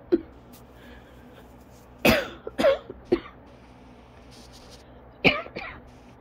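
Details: Adult's asthma coughing fit, ongoing about 30 minutes, leaving them lightheaded, dizzy and struggling to breathe normally: about six harsh, dry cough bursts in short clusters with quiet gaps.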